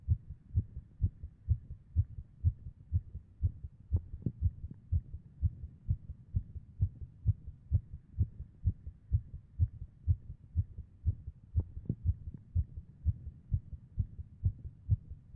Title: Heart Sound in MRI Image . #radiological